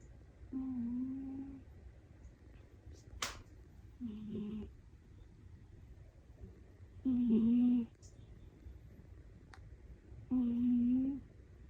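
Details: Sleeping cat snoring overhead: four soft, tonal 'puu' snores over about twelve seconds, with faint room noise between; harmless snoring.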